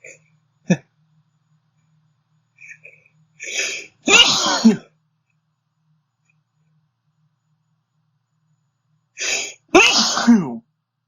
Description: 3 sneezes, last one took foooorever to come out, sorry about that.